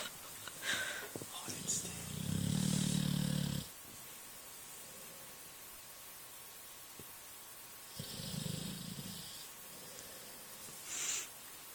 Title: American bulldog snoring